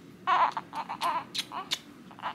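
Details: Newborn twin girl on day two in hospital after a C-section birth, just woken and fed colostrum: short, fussy bursts of crying with brief gaps between cries.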